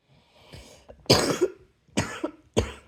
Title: # 151 another night cough ... any1? 😘